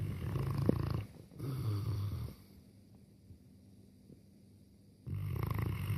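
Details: Two boerboel dogs fast asleep on their beds in the lounge: deep, low rumbling snores in long bursts separated by quiet pauses.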